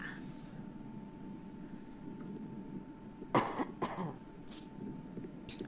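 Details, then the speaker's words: Cough from a speaker with a head cold, affecting everything from the throat up. "pardon me this cold just has me it's a head cold so like from the throat up everything from the th"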